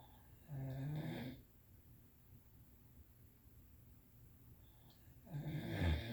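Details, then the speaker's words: Sleeper told to roll over because of snoring: two low, rattling snores about five seconds apart in a quiet room; ordinary snoring during sleep. "hey, you need to roll over. You're snoring."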